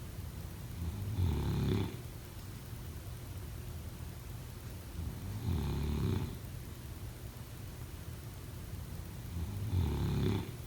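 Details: Snoring during sleep: three deep, rattling inspiratory snores about every four seconds, roughly 14 breaths a minute, over steady room hiss.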